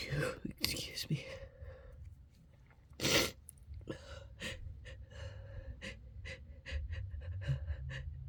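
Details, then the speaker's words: A sharp sneeze burst after a gasping intake, then short breathy snorts and sniffs, with apologetic speech ("Sorry, I have to sneeze again"); repeated sneezing. "again. Sorry. I have to sneeze again."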